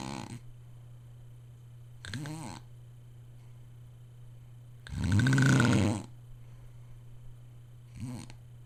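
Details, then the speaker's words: Loud habitual snoring from a sleeping father, audible from another room; family suggests a sleep study. "I got Dad on tape snoring."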